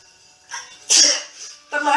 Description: Woman sneezing from apparent allergies in a "Product Haul" video.